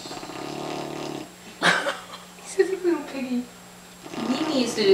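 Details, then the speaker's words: Loud snoring from a sleeping pet dog, possibly lying upside down: a rough, rumbling snore at the start, then people talking and laughing nearby. "goes in the room and starts snoring you can't sleep against the dog before excuse me you can have a contest with him he's like loud"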